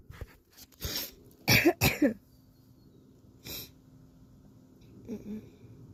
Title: Plants and sneezes haha #sneeze #sneezes #achoo #blessme #sniffles #shorts #australia #bushlife #flu